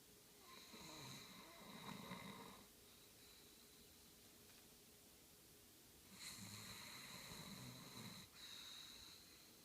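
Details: Light snoring: soft, noisy breathing in two rasping bursts against a steady background hiss and a high whine.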